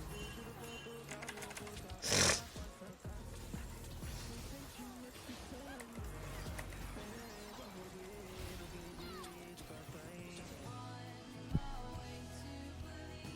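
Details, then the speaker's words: Streamer with allergies, who wonders whether it is flu: a single loud, sharp sneeze over background music and game sounds. "Vou espirrar de novo, não é possível. Ai, ai, ai, ai, ai. Será que é gripe?"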